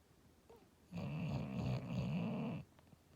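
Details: A sleeping, possibly dreaming English Bulldog: one long, low, fluttering snore lasting nearly two seconds; snoring.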